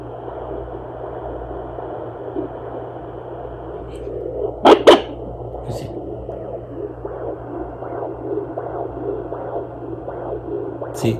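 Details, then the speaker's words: Mother's own pulse picked up on a Sonoline B home fetal Doppler in a plus-size pregnancy: steady hiss and hum with faint, regular whooshing pulses, slower and calmer than the fetal heartbeat, plus two handling clicks. "This is my wife's heartbeat. See? Slower, more calm."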